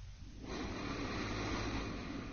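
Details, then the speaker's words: Simulated sleep-disordered breathing: a single long, slightly rough breath during sleep, fairly ordinary-sounding flow-limited breathing as relaxed upper-airway muscles let the tongue and soft palate narrow the airway. "those who have sdb the muscles in the upper Airway begin to relax during sleep and the tongue and soft pallet move closer to the back of the airway"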